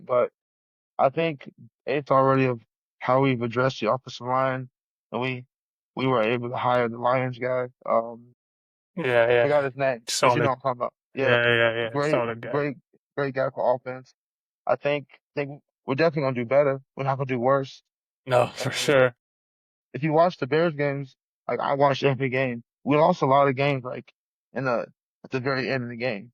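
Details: Adult male UFC heavyweight fighter with a lifelong stutter since early childhood, first noticed in school, stuttering in conversation.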